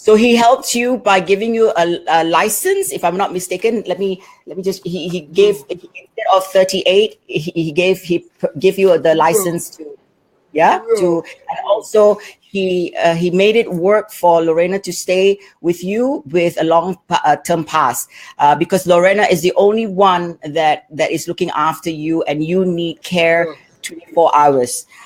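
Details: Adult woman speaking; typical speech.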